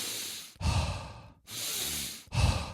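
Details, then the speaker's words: Deliberate hyperventilation demonstrated as breathwork before a breath hold: forceful deep breaths in and out at a fast pace, over-breathing said to hyper-oxygenate the blood; an imitation, not a patient. "after doing um basically you're hyperventilating. Okay? You're really hyper oxygenating the blood."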